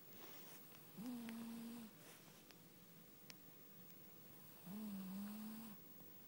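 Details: Two soft, low, steady snores about four seconds apart over faint room hum; quiet snoring during sleep.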